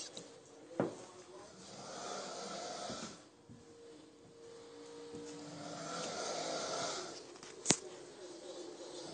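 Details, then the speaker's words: Drunk adult man asleep on a couch after coming home from the bars, heard from a distance: slow rasping breaths rising and falling with each breath; snoring. "now he's sound asleep and he's snoring so you got to listen to this it's so funny"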